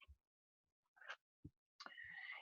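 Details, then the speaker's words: A spoken imitation of the low rumbling mid-diastolic filling murmur of mitral stenosis, which gets louder just before systole (presystolic accentuation) when the heart is in sinus rhythm. "Entonces, tercer tipo de soplo, diastólico de llenado, tipo rodamiento o motorizado según mi pseudo invento, así"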